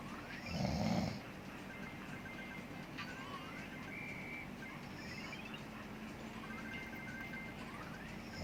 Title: Dad snores while I play subway surfers